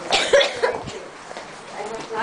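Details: A girl coughing on purpose for the camera: cough.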